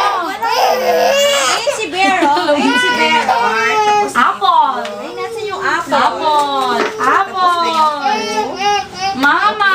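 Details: Toddler girl, 1 year 5 months, cries and whimpers during a pediatric visit where she is weighed and examined, while adults talk over her.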